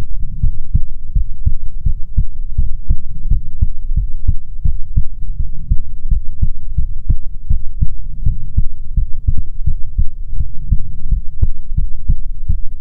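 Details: ASMR heartbeat recording: steady, deep, heavy and muffled heartbeat thumping at about 83 beats a minute with a low hum underneath.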